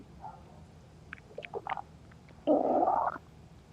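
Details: Hunger stomach growl after forgetting lunch and not eating before or during work: gurgling squeaks, then a loud, drawn-out rumbling growl lasting under a second that felt like it shook the stomach.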